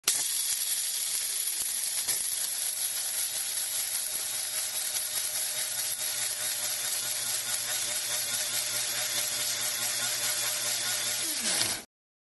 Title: Bone Saw Sound